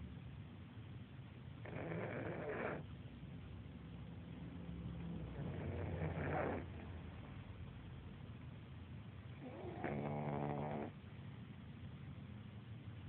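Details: Pug snoring: three loud snoring breaths with rattling and whistling tones over a steady low room hum.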